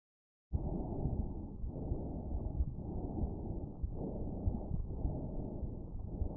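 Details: Lung auscultation with the StethoMe electronic stethoscope: loud, hollow rushing breath sounds with inhale and exhale equally loud; normal bronchial breath sound, broad-band and brighter-toned than vesicular.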